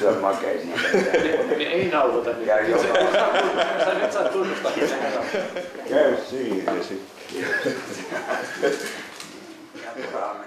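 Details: Adductor spasmodic dysphonia, a neurological voice disorder, in a patient reading a children's story aloud before treatment; the clinician says the recording shows typical features of the disorder.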